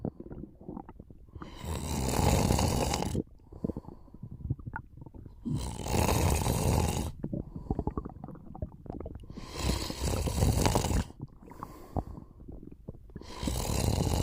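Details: Loud, rough snoring on each breath in, about every four seconds, with quieter breathing between, during a short nap; ordinary snoring.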